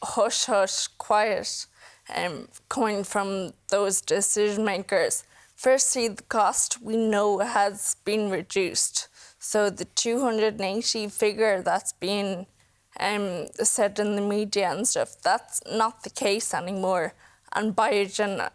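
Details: Woman in her mid-to-late 20s with Friedreich's ataxia, a progressive inherited neurological condition, whose speech is steadily worsening and who also has worsening swallowing and mobility; ataxic dysarthria.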